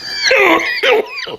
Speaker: i get a little bit of a dry cough this week folks and i think my it might have something to do with the uh amazingness of the ganja that i have